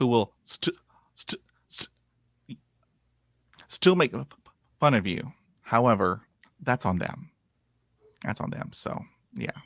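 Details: 51-year-old man with lifelong stuttering, after 20 years of speech therapy; he reports improving from zero to about 80 percent but still blocking and repeating, with frequent "um" fillers and repeated words; stuttering.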